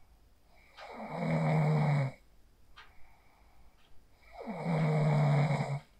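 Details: Real sleep snoring recorded on a phone after practicing the 4-7-8 breathing technique to fall asleep: two long, low, droning inspiratory snores about three seconds apart, quiet room noise between; snoring.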